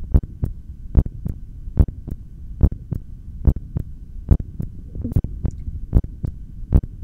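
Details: Heartbeat through a stethoscope during a held breath in a single-take recording: steady, regular beats at about 71 per minute over a low hum.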